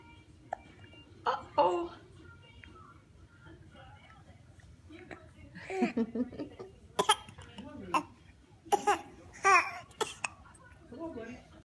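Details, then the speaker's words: Baby boy with hiccups: brief, sharp hiccup clicks at irregular intervals, mixed with babbling and soft vocal sounds in a quiet room. "Somebody's got the hiccups. Somebody got the hiccups."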